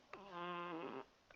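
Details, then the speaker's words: A female pet cat snoring loudly beside the person recording, under their speech; snoring. "J'ai mon chat qui ronfle à côté. Je ne sais pas si vous l'entendez, mais elle ronfle beaucoup quand même."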